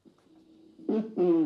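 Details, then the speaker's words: Simulated profound (third-degree) hearing loss: a filtered, muffled two-syllable word with no crisp consonants, showing how distorted speech reaches a profoundly deaf listener. "Donc je fais entendre ce qu'entend un surprofond quand le signal il est déformé mais eux ce qu'ils entendent en réalité c'est j'entend pas de signal."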